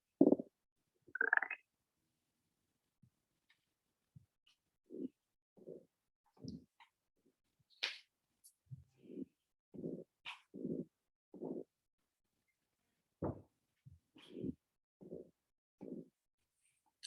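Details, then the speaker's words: Normal bowel sounds on abdominal auscultation in a 27-year-old man with a soft, non-tender abdomen and no masses or organomegaly: irregular soft gurgles and clicks over a quiet abdomen. "And I'm just going to listen to your tummy. You hear the bowel sounds?"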